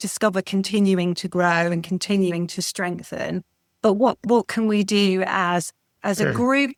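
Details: Expressive aphasia after a stroke in December 2018 in an adult woman who relearned speech in rehabilitation; she struggles to express ideas and complex sentences, but simple sentences are okay and comprehension is less affected.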